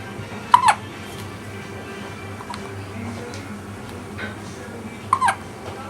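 Two short, sharp hiccup sounds about five seconds apart against quiet room noise; hiccups.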